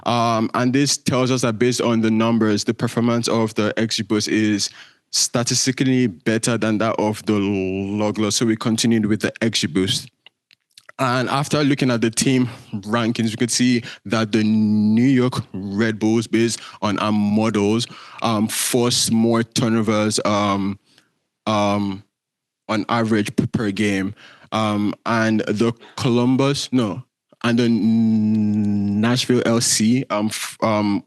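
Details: Male speaker with a self-reported stutter that shows as repetitions, prolongations or blocks. Stuttering.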